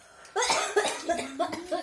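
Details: Coughing during a mukbang of a large lobster: a quiet start, then about four or five voiced, throaty coughs in quick succession in a small room.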